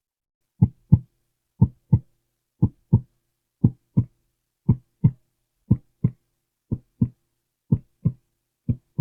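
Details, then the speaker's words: Simulated ASMR roleplay new-patient exam: stethoscope on the chest during deep breathing, steady lub-dub about 60 beats a minute, crisp paired sounds, normal rhythm; heart described as in great working order: normal heart sounds. "Okay, perfect. Everything looks good with that there. So I don't think we have to worry about your breathing and your heart seems to be in great working order."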